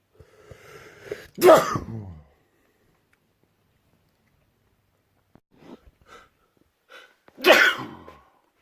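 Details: Two loud, explosive sneezes, each preceded by a brief inhaling build-up, with quiet between them, followed by an exclamation; sneezing.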